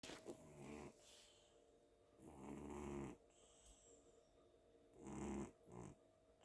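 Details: Cat sleeping on a pillow at home after an active day, snoring like a man: deep, rattling, loud snores about 26 a minute with a faint steady hum behind.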